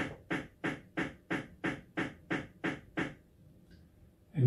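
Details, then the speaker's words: Ten sharp, evenly spaced clicks at 3 Hz: repetitive nerve stimulation train recorded from the anconeus muscle of a healthy volunteer with supramaximal stimulus, giving a stable CMAP without decrement. "Er komt een reeks van 10 schokken met een frequentie van 3 Hz."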